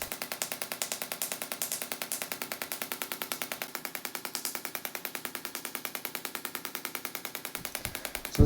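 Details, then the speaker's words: Extracorporeal shockwave therapy for rotator cuff tendinosis, the patient's fourth and final session, applied along the upper trapezius toward the supraspinatus: rapid, regular percussive pulses, roughly eight to ten a second. "so we're going to use the shock wave machine up and down the upper trapezius muscle and the sound waves are going to penetrate deeply all the way to the Su spinus muscle belly as well as the superus tendon and top part of the shoulder"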